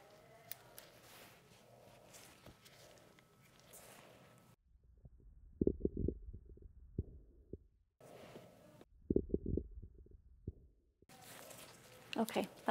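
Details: Soft, irregular gurgles through the stethoscope over the abdomen after non-tender palpation, with room noise between; normal bowel sounds in a simulated sepsis ABCDE assessment of a man admitted after a fall.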